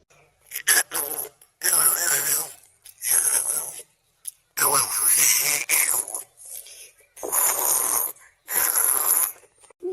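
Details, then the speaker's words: Acted imitation of snoring in a comedy skit, where an older sister's loud night-time snoring keeps the family awake: loud, rough, exaggerated snoring bursts repeating rapidly. "இந்த பண்ணி தான் கொட்டை உடிச்சா. ஐயோ கொட்டை சத்தம் தாங்க முடியல."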